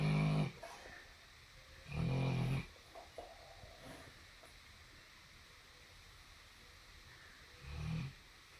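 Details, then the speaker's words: Lola snoring while asleep in a small room: loud, low rumbling snores, three in about nine seconds, separated by quiet breathing. "Lola, were you sleep? Were you snoring? Were you snoring?"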